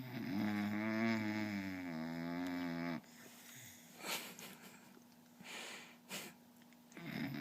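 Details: A sleeping bulldog snoring like a human: one long, whining, buzzing snore on a single breath, then quieter soft breaths.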